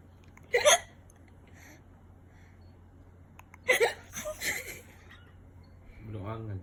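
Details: Baby's hiccups: two abrupt, sharp hiccups about three seconds apart, followed by soft fussing sounds; ordinary infant hiccups.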